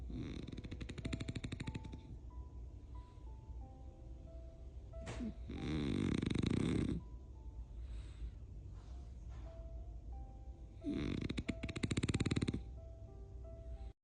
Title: My snoring Frenchie boy #frenchbulldog #dog #frenchie #snoring